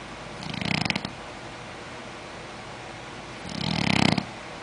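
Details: Two rattling, fluttering breaths about three seconds apart over steady room noise: snoring.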